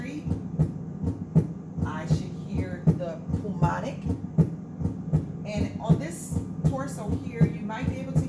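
Regular lub-dub heartbeat, about 80 a minute, from a simulator's pulmonic area: normal heart sounds.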